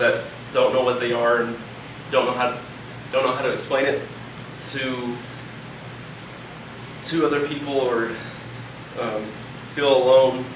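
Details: 28-year-old man with medication-induced tardive dystonia, preceded by akathisia, also causing facial twitching; stuttering began only after the dystonia's onset: stuttering.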